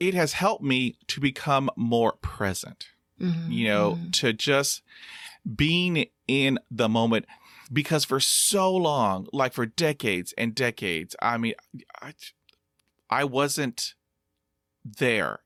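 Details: Stuttering in an adult man, present for over three decades; stuttering.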